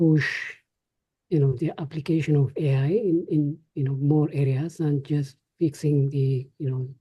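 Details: Adult speaker; ordinary speech.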